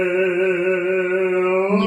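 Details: Singer with muscle tension dysphonia after vocal physiotherapy, transverse abdominis now activating correctly: improved singing voice after treatment for muscle tension dysphonia.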